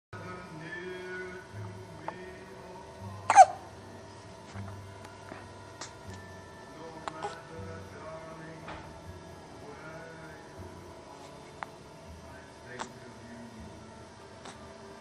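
Scattered short, sharp catching sounds over soft background music and room noise; hiccups.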